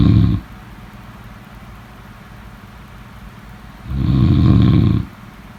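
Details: Snoring: two loud, low, rattling snores on inhaling, about three and a half seconds apart, with quiet breathing between them.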